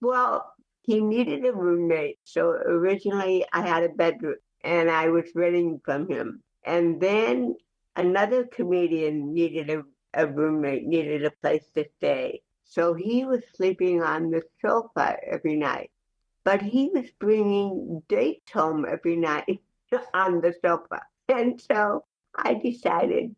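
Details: Adult woman, a professional actress and comedian, with cerebral palsy, speaking in a podcast interview; dysarthric speech in cerebral palsy.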